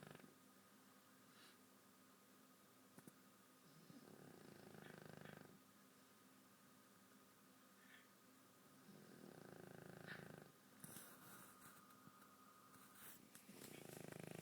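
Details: Sleeping dog snoring: soft repeated rumbling snores with breaths about every five seconds, over low room hum.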